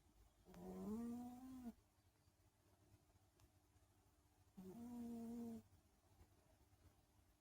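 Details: Sleeping cat snoring lightly: two soft, slightly tonal whistling breaths separated by quiet pauses.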